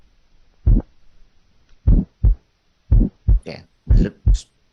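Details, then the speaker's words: Heart murmurs of high, medium and low frequency, heard equally well with either the stethoscope bell or diaphragm. "listen now to murmurs that are considered high medium and low in frequency heard equally well with either bell or diaphragm"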